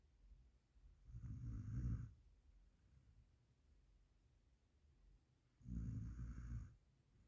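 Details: Dog snoring while asleep: two low, rumbling snores about four seconds apart in a quiet room, slow sleep breathing rhythm.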